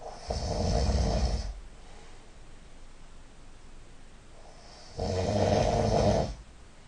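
Two loud, rough snores a few seconds apart, each a long rattling breath with quiet between them.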